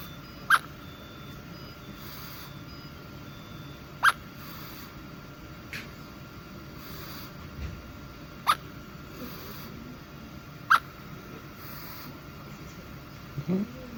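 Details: Baby quintuplet getting hiccups for the first time while held by an adult: four short, sharp hiccup clicks over about fourteen seconds, with steady room hum between.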